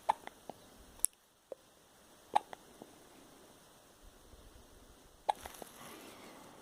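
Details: Three or four sharp, brief hiccup sounds at irregular intervals, with faint room noise.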